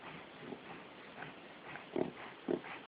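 Rapid, repeated snorting intakes of breath through the nose, a short run of harsh honking pulls typical of a dog's reverse sneezing episode.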